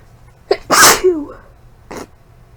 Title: Inducing sneezes after a month